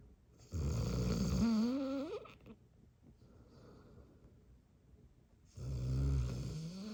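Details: Dog in deep sleep giving two loud, rattling inspiratory snores, the first rising into a whistling squeak, separated by a quiet pause; dog snoring.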